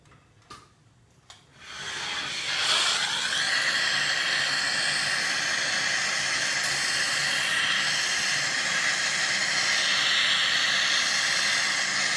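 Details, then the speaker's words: Indirect retainer bonding, demonstrated on a large model: a dental handpiece starts up into a steady high-pitched hissing whir while polishing the teeth before etching. "и пациент приходит к вам на приём вы начинаете полировать зубы"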